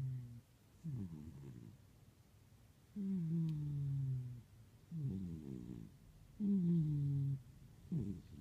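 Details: Seamus, a 26 lb cat, snoring while sleeping: low, buzzing vibrations on each breath in and out, about eighteen breaths a minute.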